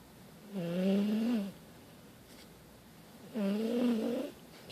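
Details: Dog sound asleep before bedtime: two slow, drawn-out nasal snores, each about a second long, with quiet gaps between; snoring.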